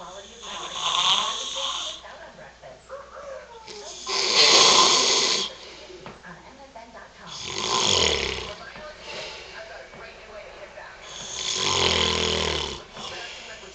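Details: Father snoring heavily in sleep: loud, harsh snores with rattling, fluttering breaths out, about 17 a minute.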